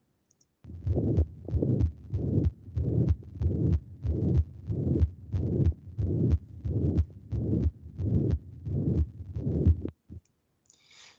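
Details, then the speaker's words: Holosystolic murmur at the apex from mitral regurgitation in a male patient with likely endocarditis involving the mitral valve: regular heartbeat near 92/min, steady even murmur filling systole from S1 to S2, quiet diastole. "so he has endocarditis and likely involving the mitral valve that murmurs you know in the apex holosystolic that's mit"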